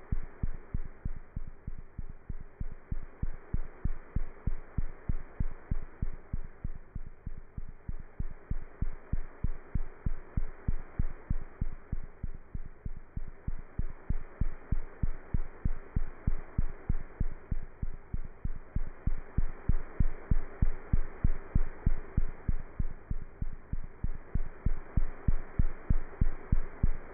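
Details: Cat's heart heard through a stethoscope: rapid, steady heartbeat at about 190 beats a minute.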